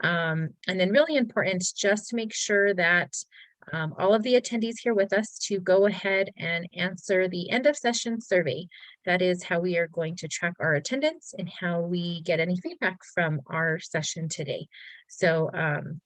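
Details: Adult woman speaking; Normal voice.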